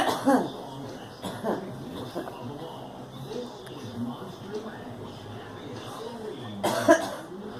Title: Girl coughing